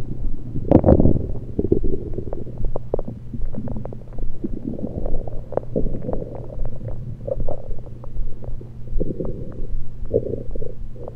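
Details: Bubbling gurgles and clicks from liquid and air moving in the gut, recorded over the abdomen with a USB electronic stethoscope; described as not digestion, just liquids and air, cause unknown; bowel sounds.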